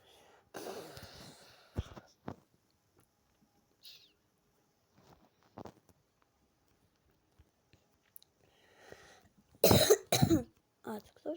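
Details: Several short, harsh coughs in a quiet room, including a quick burst of three or four near the end, during gameplay commentary; coughing.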